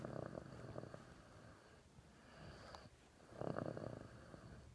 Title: My cousin snores so freaking loud I couldn’t even sleep!!🙄😠